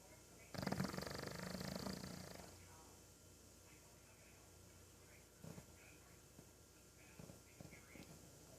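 One loud rattling snore lasting about two seconds, then quiet breathing with a few soft snorts; snoring.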